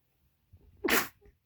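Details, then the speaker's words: A brief quiet in-breath, then one loud explosive sneeze with hissing spray from a person who feels cold and cannot stifle their sneezes; a single forceful sneeze. "oh my gosh I cannot stifle these oh my gosh"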